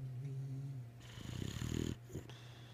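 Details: Boxer dog: a brief fluttering, rattling breath over a low background hum; snoring.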